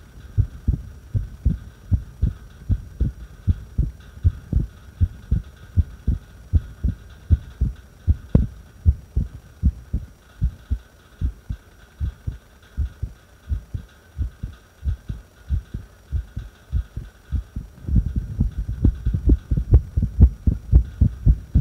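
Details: Irregular heartbeat recorded during a breath hold: low thumps, about 78 a minute, with uneven spacing between beats.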